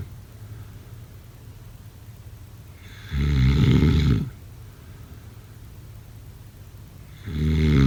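Two loud, low, rattling snores on breathing in, separated by quiet breathing out, about 15 breaths a minute; ordinary snoring.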